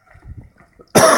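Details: Adult man walking outdoors in Shioya, Kobe, Japan: a single loud, harsh cough burst after faint street noise; cough.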